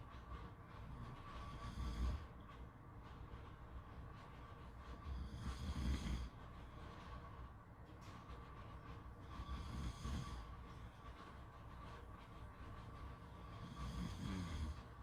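Low rumbling snores recur about every four seconds, roughly 15 a minute, over steady surf-like background noise; ordinary snoring.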